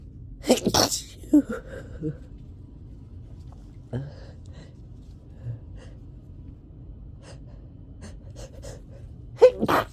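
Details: Several forceful sneezes with sharp inhaled gasps and sniffs between them, from an adult with a summer cold during a bout of uncontrollable sneezing.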